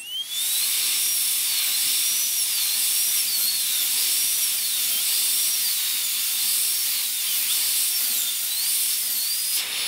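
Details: Dental high-speed drill during full zirconia crown preparation of tooth #3 (upper first molar): steady high-pitched whine with small pitch changes as it cuts tooth.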